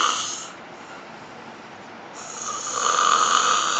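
Loud rasping snores on the in-breath, separated by a quiet pause; ordinary snoring.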